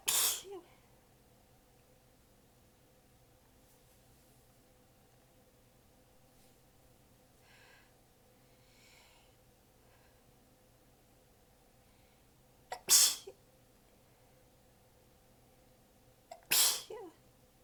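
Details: Three sharp sneezes separated by long quiet gaps with faint breathing between; a tired, partly held-back sneezing fit, recorded while exhausted with sore abs, sneezes bitten back a little and position changed between segments.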